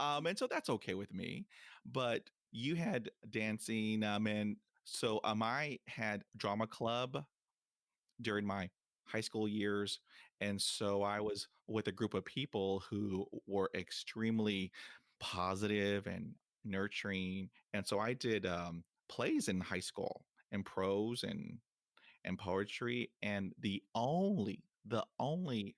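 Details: Stuttering in a 23-year-old woman from Jamaica, present since about age six; father and sister also stutter; never had speech therapy; part-word and whole-word repetitions audible.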